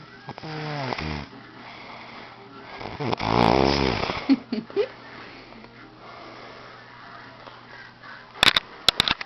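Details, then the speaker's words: Adult man, the recorder's boyfriend, snoring loudly while asleep at night, keeping her awake. "hey just wanted to get a video of bua snoring so he can see how loud he snores and how annoying it is and how I can't go to sleep until he stops snoring which is never so I don't go to sleep till he goes to work"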